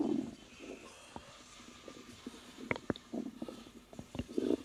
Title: 3 month pregnant woman experience stomach growling while relaxing